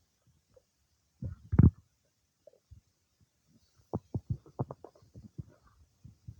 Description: It's been quite some time since I ate the cake, but it's soon after that my tummy gets all worked up destroying what I eat lol